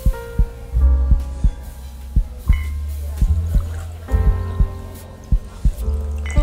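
Soft low thumps at about 57 a minute under slow ambient music, a heartbeat sound.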